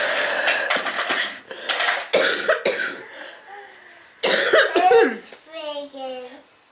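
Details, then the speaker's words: Adult woman, very sick with a head cold and chest cold, runny nose, headache, trouble breathing and a sore rib cage, coughing repeatedly despite cough syrup; cough that keeps coming back. "I can cough and cough and cough and it comes right back"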